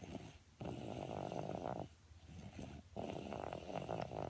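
Loud, rough, rattling breaths in and out over a few seconds; snoring.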